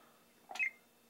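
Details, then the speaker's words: Florida Probe computerized periodontal probe on a mock patient exam in plaque mode at the distal of tooth 8, operated by foot pedal: a single brief electronic cue in a quiet room confirming plaque recorded at the site. "now that time when it said plaque it was only putting us back into the plaque mode mode hold and listen again PL now you'll have to listen for plaque again on this"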